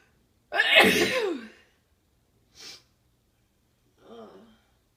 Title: more big sneezes!